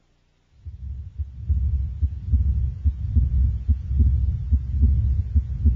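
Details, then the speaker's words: Child's neck: a continuous low cervical venous hum under regular beats at about 72 a minute, a normal finding; it vanishes lying down, with Valsalva or jugular pressure, and grows louder with the head turned away. "the hum becomes louder when the head is rotated away from the side being examined"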